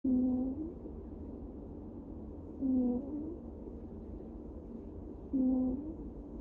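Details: Cat snoring: soft, low buzzy tones recurring about every two and a half seconds, roughly 23 breaths per minute, over faint room hiss.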